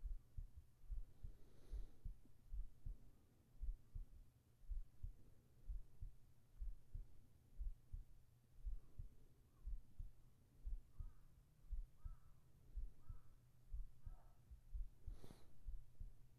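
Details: ASMR heart sounds for sleeping, recorded with a whispered voice: soft, steady low thumps at about 60 beats a minute with low hum and faint whispering in the background, a regular heartbeat.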